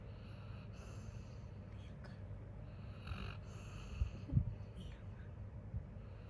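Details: Labrador dog asleep after playing all day, snoring loudly: low, rough, rumbling breath noise with a few soft snorts over a steady background hum.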